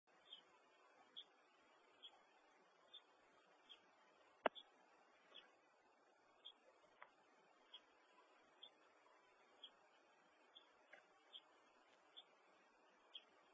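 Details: A small hiyo bird makes quick, repeated high cough-like clicks after gulping food that lodged in its throat.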